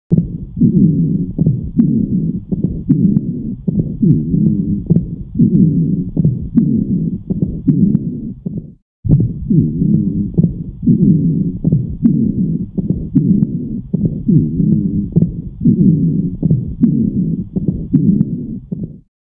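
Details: Infant with bronchiolitis: fast, noisy breathing with musical wheezy tones and crackly clicks; bronchiolitis breath sounds.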